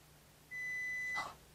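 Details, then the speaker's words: Child's play audiometry hearing test demonstration; the child had two ear infections in the past year. The child places a peg when hearing a single steady high-pitched pure tone lasting under a second; an audiometer test tone. "going to take a block and we're going to hold it up to our ear and listen and when we hear a sound we're going to put the pig in all right listening nicely let's try one"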